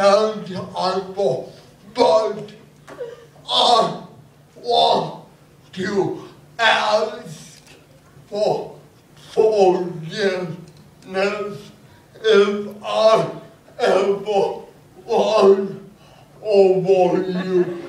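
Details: Adult man with cerebral palsy performing stand-up comedy about his life with the condition; dysarthria (cerebral palsy).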